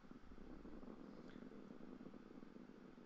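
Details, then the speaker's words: Quantitative needle EMG demonstration in a patient, with the needle inserted during very slight contraction for interference pattern analysis: steady dense crackling rumble from the EMG loudspeaker; the pattern looks slightly neurogenic, as expected in this patient. "you you see the the distribution uh to the right it looks slightly neurogenic which is just expected in in in this patient"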